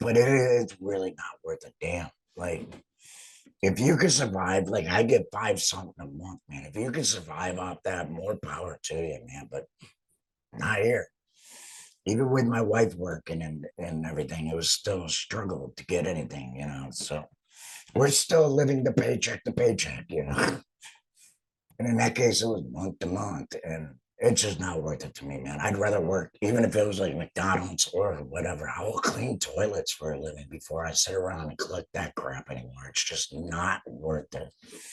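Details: Adult man, a laryngectomee who has returned to work after total laryngectomy surgery, speaking with an alaryngeal voice; finding: alaryngeal speech after total laryngectomy.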